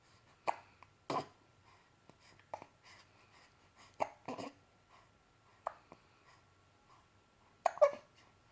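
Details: A 2-month-old infant with hiccups: brief, sharp gulping catches recurring about every second over a quiet background.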